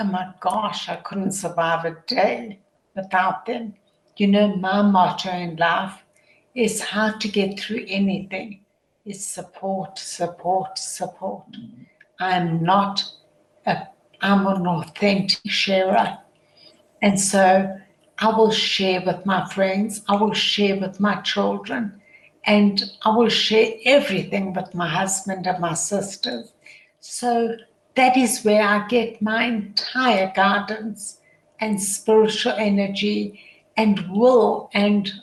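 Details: Adult woman with primary lateral sclerosis, a progressive degenerative motor neurone disease affecting her voice, tongue, facial expression and vocal cords; she later wears a voice amplifier in the programme; dysarthria in primary lateral sclerosis.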